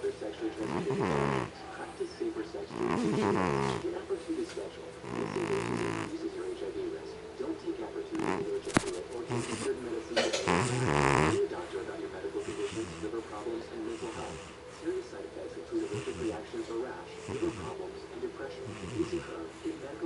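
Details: Repeated rough, rattling snores over several breaths, some loud and some softer, with faint background noise; snoring during sleep.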